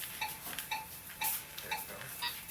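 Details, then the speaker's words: Sharp, regular crackling bursts, about two per second, from tissue contracting during nonablative radiofrequency treatment of a small double chin: tissue crackling during radiofrequency treatment. "hear the crackles they're amazing okay super super efficient"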